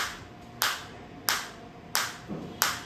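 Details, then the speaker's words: Sharp, regular snapping pulses about every 0.65 seconds from a high-energy focused (not radial) shockwave therapy device, frequency 90, 1000 shots set, intensity started at 3–5 and slowly increased, demonstrated on the operator; shockwave therapy device firing. "अब आप इसको intensity को मैं धीरे-धीरे बढ़ाऊंगा। धीरे धीरे धीरे इंटेंसिटी इनक्रीस हो रही है। बिल्कुल फोकस शॉप वेव आ रही है।"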